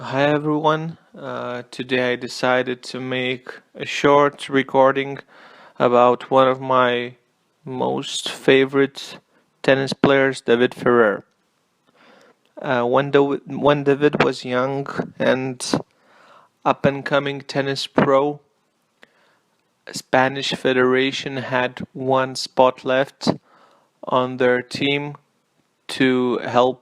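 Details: Stuttering in an adult male non-native English speaker recording a tennis player review; he apologizes for his stutter and notes he only started recording a couple of days ago.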